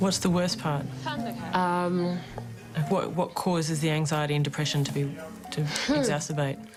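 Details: Adult interviewer; normal speech.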